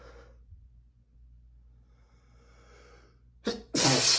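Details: Adult male with dust allergy sneezing while reading aloud from a dusty book; quiet breathy build-up, then a sharp explosive sneeze in two bursts.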